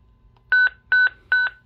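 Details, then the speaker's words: Zoll X Series Advanced monitor AED shock test with test device, energy set to 30 joules: three loud, evenly spaced electronic double-tone beeps while charging; defibrillator charging tone. "it's charging at 30 jewles once you get the shock advice button you hit shock"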